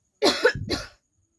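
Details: Two quick, harsh, dry-sounding cough bursts close together, then silence; a real (not fake) cough from the presenter, who says she is feeling coughy; a requested coughing-challenge video, part two.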